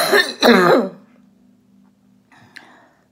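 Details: Productive wet cough from an adult female orthopedic surgeon recovering at home from COVID-19 infection, voice hoarse and near laryngitis from heavy coughing.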